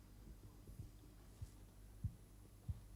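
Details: Korotkoff sounds.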